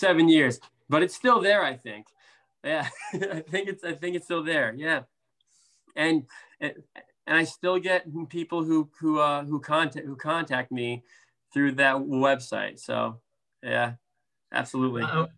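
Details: Stuttering in an adult man, a speech therapist who stutters, with blocks, prolongations, sound repetitions and interjections; severity varies from day to day.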